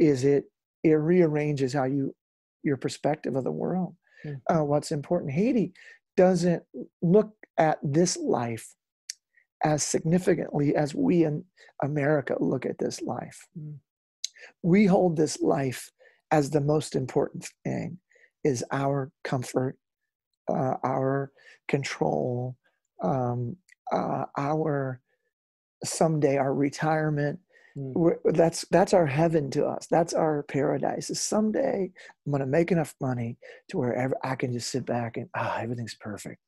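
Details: Adult male rock lead singer whose spasmodic dysphonia began at his career peak, first taken for hoarseness; incurable, doctors could not fix it, still audible today; spasmodic dysphonia.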